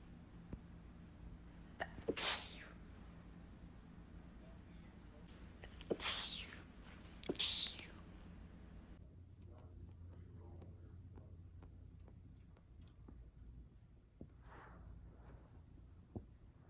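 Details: Girl sneezing, from a sneezing compilation: three sharp, hissing sneezes over a few seconds against quiet room noise.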